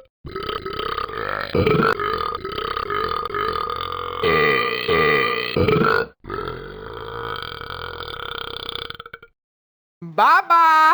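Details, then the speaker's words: Deliberate long burping attempt: long, drawn-out rumbling belches, one after another over about nine seconds, then a short vocal sound; burping. "let's see how long I can burp"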